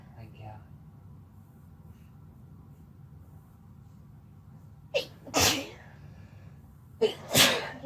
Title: Sneezing while Laying on each other (F+M)